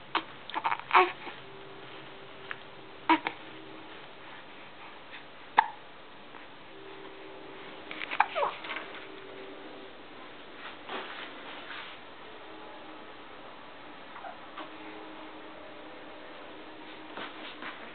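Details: Two-month-old infant: soft, sudden catching sounds recurring at irregular intervals amid faint room noise; hiccups.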